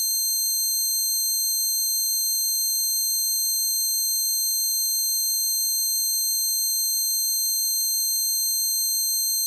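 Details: Simulated tinnitus, a recreation of the person's own tinnitus caused by standing near a concert amplifier: steady, high-pitched ringing tones with a faint wavering.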